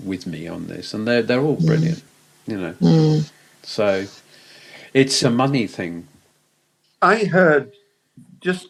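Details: Aphasia after a stroke in an adult man, speaking in conversation.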